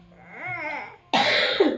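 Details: A brief sung note from a young child who is sick, then a sudden harsh cough burst while singing and counting: a single cough.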